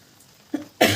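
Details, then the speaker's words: Woman with an ongoing cough and a hoarse voice, not helped by medicine: a brief soft voiced sound, then one abrupt, loud, harsh cough. "दोस्तों बारिश में कहीं जाना नहीं होता और मुझे खांसी लगी हुई है। दूर से मैं कुछ बोल भी नहीं सकती। मेरी आवाज बैठ रही है"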